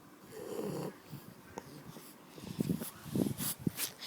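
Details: Sleeping Shar Pei dog: low rattling, snorting, irregular noisy breathing through nose and throat; snoring.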